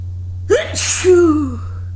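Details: Sneezes after an early-morning run in cold air: sharp inward gasp, then one explosive sneeze and a trailing voiced sound, over a steady low hum.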